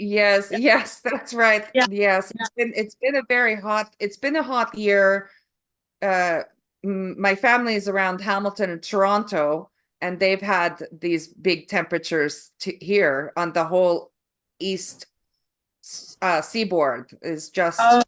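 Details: Adult woman whose foreign accent began on waking from a migraine in 2021, diagnosed by a speech therapist, who also reports functional neurological disorder; foreign accent syndrome.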